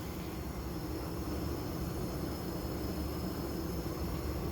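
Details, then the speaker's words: Improvised simple mask CPAP set-up for COVID-19 with PEEP measured against flow: steady low rushing hiss of continuous oxygen at 10 L/min, giving just under 10 cmH2O of pressure. "So then we got 10 liters of flow and just under 10 centimeters of water pressure there."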